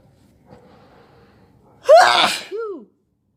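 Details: Quiet indrawn breath then one loud, forceful explosive sneeze with short vocal tail, part of an all-day sneezing fit while sick, with headache.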